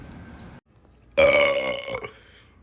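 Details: After low room noise and a pause, one loud, drawn-out, rumbling burp of about a second; ordinary belching.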